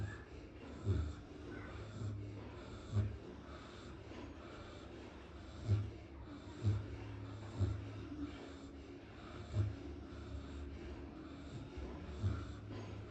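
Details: Pigs napping after a good meal, snoring and snorting in sleep: soft, low snorts and grunts at irregular intervals, at times about one a second, over faint background noise.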